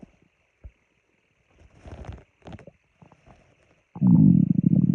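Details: Scattered gurgles and creaks building to a loud, low, rumbling growl; ordinary stomach growling (borborygmi).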